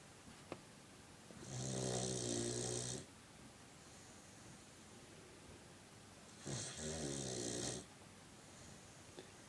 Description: So apparently my sister's new puppy has quite the snore!